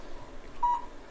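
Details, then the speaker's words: Low-level (cold) laser therapy for plantar fasciitis heel pain, aimed at the plantar fascia of the foot in a roughly 4.5 to 5 minute, virtually painless treatment. A short single electronic beep confirms the device is running. "beautiful thing about this technique is you can hear the machine beeping we know it's on"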